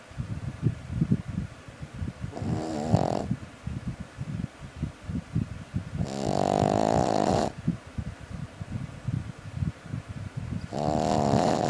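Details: Puppy snoring: loud, rattling snores about every four seconds, roughly 14 a minute, with softer snuffling noises in between.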